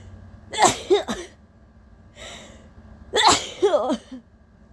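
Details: Induced allergy sneezes from a nose extremely sensitive all day: two very powerful, wet sneezes, each a sharp burst with a voiced trailing sound and a quick follow-up.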